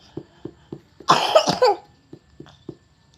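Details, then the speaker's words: Short burst of harsh coughing between soft rhythmic massage taps from a young girl with persistent cough and vomiting of mucus, during a massage; the cough is attributed to much wind in the stomach. "terjadinya tadi itu batuk karena banyaknya angin di dalam perut bunyinya udah kayak Cempedak Mas kayak anangka masak"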